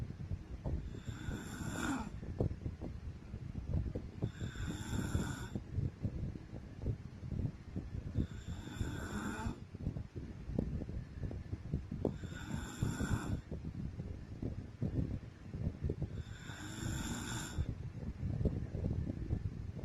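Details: Adult woman (wife) snoring during sleep, from old home recordings: loud, regular rattling, buzzing snores on each in-breath, about one every 4 seconds (roughly 15 breaths a minute); ordinary sleep snoring.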